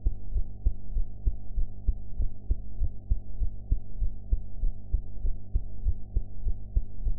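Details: Own heartbeat recorded after eating, with sound quality enhanced: regular low thumping heartbeat at about 98 beats a minute over a steady low hum; normal heart sounds.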